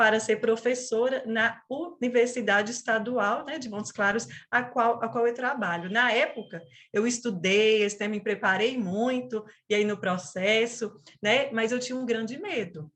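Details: Stuttering in a 37-year-old woman, onset at age 4, with a family history (father and brother also stuttered); she describes it as a neurobiological speech disorder.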